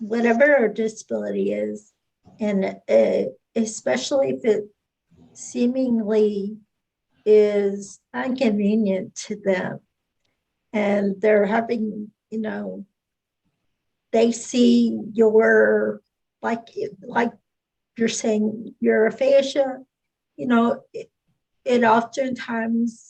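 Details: Adult woman speaking; no speech disorder.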